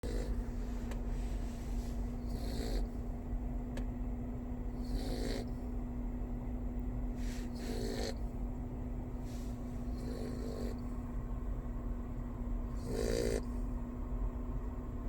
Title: Me snores like mommy 2...